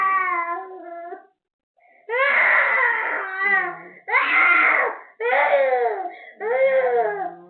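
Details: Loud, repeated crying in long wailing bursts with brief pauses from an irritable baby with cough, cold, mouth ulcers, teething and fever; infant crying.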